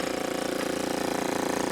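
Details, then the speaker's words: Loud, steady motor hum with rapid regular pulsing from a portable oral suction machine just switched on, its negative-pressure gauge showing vacuum; suction machine running. "gauge here is it's a negative pressure gauge so it's showing it's pulling a vacuum so if i block this off you can see that start to move"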